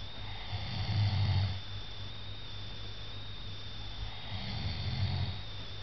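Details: A person snores with two low, rattling snores on the in-breath about four seconds apart, likened to Darth Vader's breathing, over a steady background tone.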